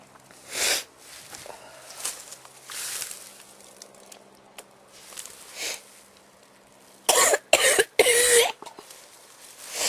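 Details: Person with allergies (flowers, dust, plants) and frequent daily sneezing: several soft breaths and throat sounds, then a burst of three short, harsh coughs close together.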